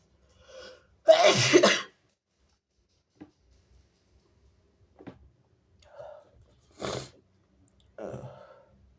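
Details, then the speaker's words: Strong sneezes: two forceful sneezes in quick succession, then softer breaths and a sharper third sneeze in a quiet room, followed by remarks that it was big. "Oh my god. Excuse me. It was so big. Whoa. I sneezed on you. Excuse me."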